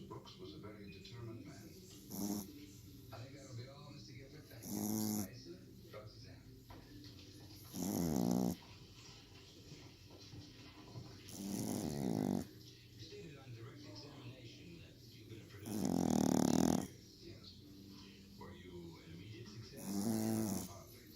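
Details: Repeated loud rumbling snores with quiet gaps between them, about six in twenty seconds, over steady room noise; snoring.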